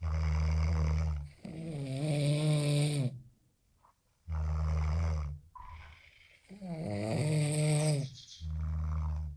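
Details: Snoring by two third-year students in a snoring competition: loud, deep rattling snores alternate with higher, tonal snorting sounds, with brief quiet gaps between them.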